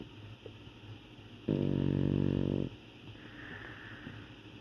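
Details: Boston terrier snoring: one loud, buzzing snore lasting just over a second, over a steady background hum.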